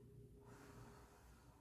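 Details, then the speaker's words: Normal vesicular breath sounds heard by stethoscope over the upper posterior lungs at C7 in an adult during a physical assessment, with deep open-mouth breathing. "I'm going to start by listening to the tops of your lungs at C7 if you can please take um some deep breaths with your mouth open"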